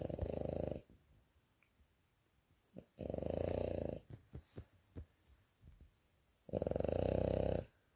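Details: French bulldog snoring loudly during an afternoon nap: three rattling snores in about eight seconds with soft snuffling between; snoring in a flat-faced dog.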